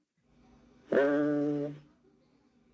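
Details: Egophony, a teaching example of voice sounds from a chest auscultation lecture.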